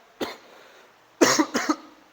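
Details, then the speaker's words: One cough, then two harsh coughs in quick succession from an adult man in an acted educational scene, coughing for two weeks with blood in the cough, tuberculosis suspected; cough. "saya Sudah berapa lama batuknya Pak udah dua minggu dokter cuman"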